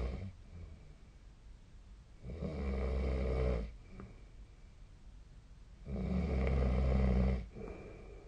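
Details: Snoring during sleep, recorded 2025/01/17 with the SnoreLab snoring app: two loud, low, rattling snores on breaths in, with quiet breathing out between.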